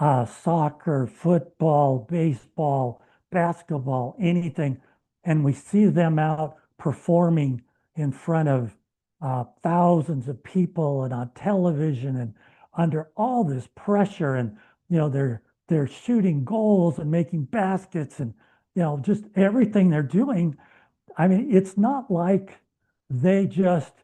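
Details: Adult man who has stuttered all his life, speaking with a speech plan of deliberate short stops, three months into a treatment program and reporting no stuttering since; fluent speech after stuttering treatment (paced short pauses).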